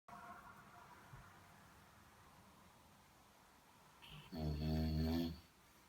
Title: Snoring man - The revenge